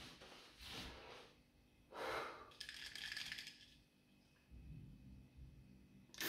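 Inhaler puff with a brief hiss and breath in, amid soft room noise; inhaler taken with the chin tilted down, an incorrect technique.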